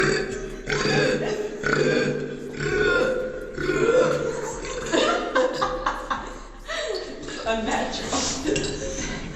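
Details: Woman deliberately burping: long, loud, repeated belches, about six in nine seconds; eructation.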